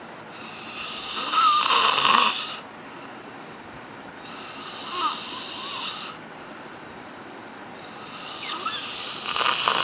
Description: Snoring gallore